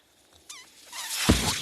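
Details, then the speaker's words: Speaker's own mechanical ventilator noise: a brief squeak, then a rising hiss of airflow with a soft puff as the machine delivers a breath. "That noise you're hearing is my ventilator."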